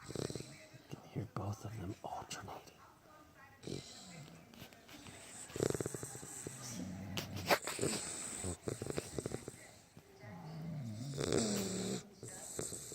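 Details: Two sleepers, one of them Mama, taking turns snoring, with irregular snorting and rumbling snores alternating and faint room noise; snoring.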